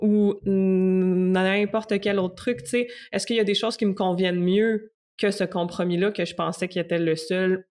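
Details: 64-year-old recently retired adult who stutters, who chose to change his relationship with stuttering after retiring, over a year ago; stuttering.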